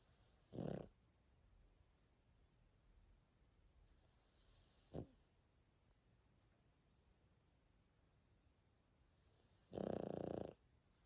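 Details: Sleeping pug dog; a few short, snorting breath noises, one brief and two longer, in a quiet room; snoring.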